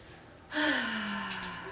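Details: Person with major bad hiccups after a long night of dance: a sudden sharp inward gasp that slides into a falling, squeaky voiced breath, in a quiet room.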